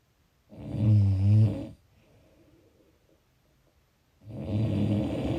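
Loud, low, rattling snores on the in-breath, separated by quiet out-breaths: snoring.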